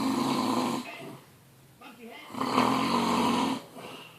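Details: Very loud, harsh, rumbling snores on two breaths with a quieter snuffle between; heavy snoring, billed as the world's loudest snorer.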